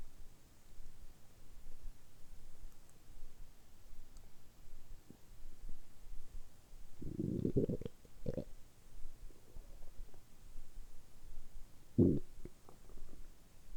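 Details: Adult after a light fast of about 12–13 hours, drinking carbonated water on an empty stomach, quiet room: a few low gurgling belly rumbles, ordinary bowel sounds while fasting.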